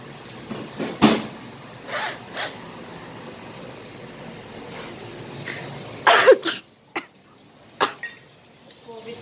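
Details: Fake sneezing done as a prank: a few short, forced, acted sneeze-like bursts against quiet room noise.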